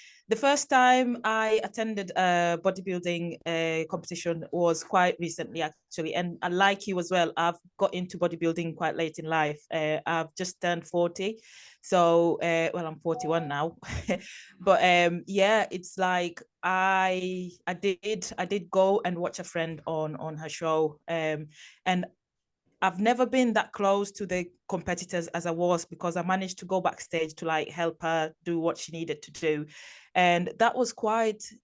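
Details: Adult woman speaking; normal voice.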